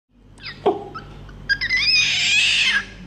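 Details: A starved, neglected baby orangutan rescued from a chicken cage, malformed bones, fluid-bloated body, too frail to sit up, in intensive care, gives high, thin squealing cries with short whimpers, showing distress.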